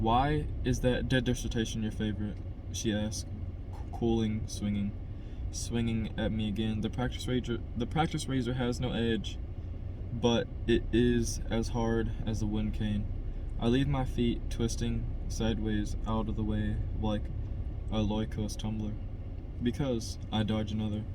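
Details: Adult man who stutters, by his own account a little, reading a novel chapter aloud as practice to help his stutter; part-word and word repetitions and revisions; stuttering.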